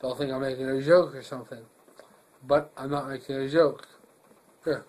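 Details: Adult man recently diagnosed with myasthenia gravis, a neuromuscular autoimmune disease, with sudden onset about five days earlier, recorded in hospital; also has double vision and cannot swallow or pucker his lips; flaccid dysarthria with hypernasality.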